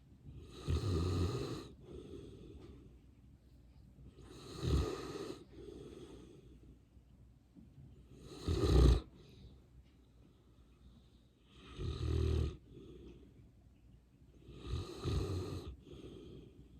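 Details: Sleeping English Mastiff dog: loud deep rattling snores with each breath, about 17 per minute, softer outbreaths between; heavy snoring.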